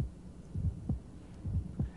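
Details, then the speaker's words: Teaching recording of an ejection click at the apex, left lateral decubitus, best with diaphragm: crisp, high-frequency extra sound just after S1/QRS, heart rate about 65. "it's a high frequency sound and if you watch the QRS the extra sound occurs after the QRS"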